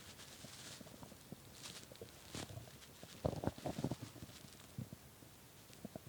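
Faint, irregular gurgles and rumbles with a few louder bubbling bursts; stomach growling from hunger.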